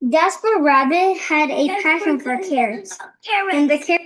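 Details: Restored clear voice in a woman with recurrent respiratory papillomatosis after about a year of bevacizumab treatment, reading the same passage as before treatment.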